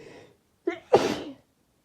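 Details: Sneezing: a short indrawn gasp followed by one explosive sneeze.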